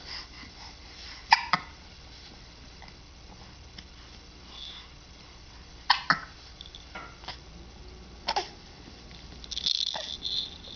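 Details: Tucker's hiccups: sharp, brief hiccup sounds at uneven intervals, about three in ten seconds, over a quiet room.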